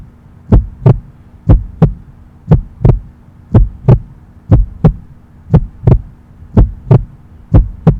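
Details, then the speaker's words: Normal heart sounds, first (lub) and second (dub), played for listening with earphones; perceived as beats rather than distinct lub-dub words. "Exactly लब dub ऐसे words में नहीं होता है वो, it is just perceived as those beats, लेकिन वो लब डब होता है जब आप इससे एडवांस टेक्नोलॉजी से सुनते हो।"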